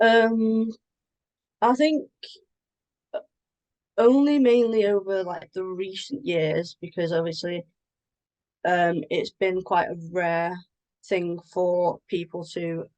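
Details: Adult woman with a stammer involving blocks; stammering.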